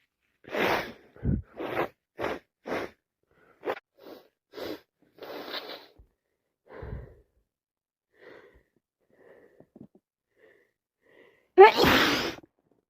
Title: Day 2 of snottiest cold , so much sneezing, sniffing and blowing my nose